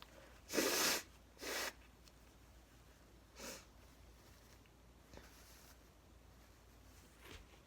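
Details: Two sudden, forceful, very wet sneezes, then a smaller sneeze and faint sniffs in a quiet room; part of a series of 22 sneezes with nose blowing; sneezing.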